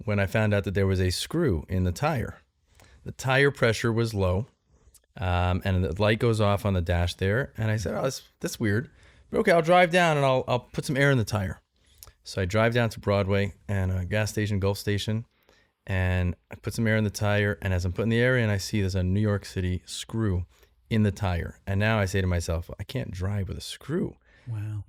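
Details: Adult male speaker; normal conversational speech.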